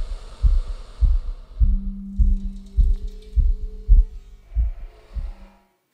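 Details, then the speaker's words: An adult's own heartbeat is picked up by a stethoscope-head microphone taped tightly to the skin and amplified through speakers: steady low thumps at about 100 a minute over a humming background tone. "once you find it you tape it very tight to your skin and you will have your heart beat very loud in the speakers"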